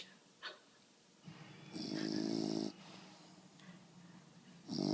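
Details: Sleeping female bulldog, reportedly snoring with her eyes open: loud rattling inhaled snores with a whistling edge, separated by quieter breaths; snoring.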